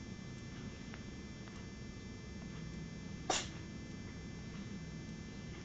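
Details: Sneezing from a 4-month-old cat: one short, sharp sneeze over steady room hum.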